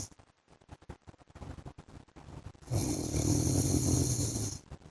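Quiet breathing noises, then a long, loud, rough snore lasting about two seconds during sleep.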